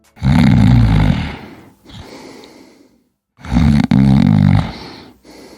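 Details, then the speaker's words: Simple snoring in a sleeper: loud, rough, continuous, regular inspiratory snores with quieter expirations and no breathing pauses, caused by relaxed throat tissue vibrating in a partially obstructed upper airway that never fully closes. "Esto es solo vibración. Los tejidos de tu garganta se relajan, vibran cuando pasa el aire, pero nunca se cierran completamente molestando a tu pareja durante la noche."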